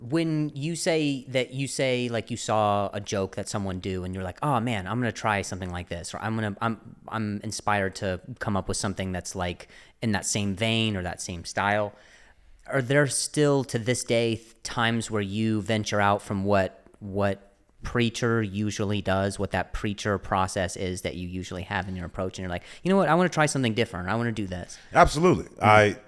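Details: Adult man who stutters, speaking in a podcast conversation; transcript shows word repetitions; he mentions an injury before starting stand-up; stuttering.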